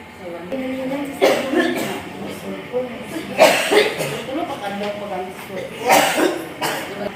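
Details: Person at a check-up coughing: three harsh dry cough bursts a few seconds apart, mixed with talking and faint background music; repeated dry coughing.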